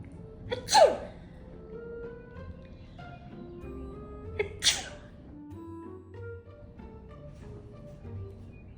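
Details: Two sharp sneezes from a woman a few seconds apart over soft music, her golden retriever trying to comfort her; sneezing.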